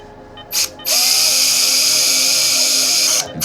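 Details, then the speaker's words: Surgical power drill placing screws to fix a fractured leg in a fox during veterinary surgery: high-pitched whine running steadily about two seconds after brief starts. "It's going all right now. As long as that drill keeps working."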